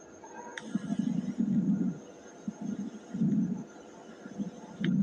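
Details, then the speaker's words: A teaching example of breath sounds through a stethoscope with rough popping crackles in inspiration, described as possibly early, mid or late inspiratory or biphasic; abnormal crackles (crepitations). "Next जो है crackle यानी कि सको हम क्रिप्टस sound कहते हैं यह भी एक एब नॉर्मल साउंड है"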